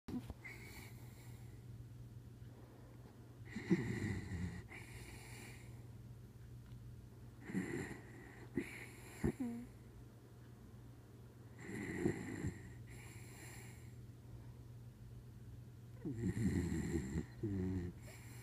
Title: Snoring